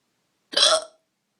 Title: Drunken hiccups